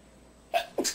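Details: Woman habitually holding in her sneezes: a short, muffled, stifled sneeze in two quick bursts.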